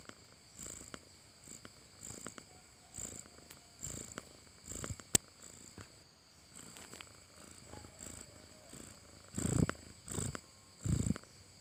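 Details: Sleeping cat snoring: soft, quick snuffling breaths with a few louder snorts toward the end, over a high background whine.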